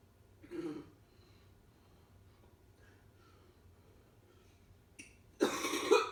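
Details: Coughing.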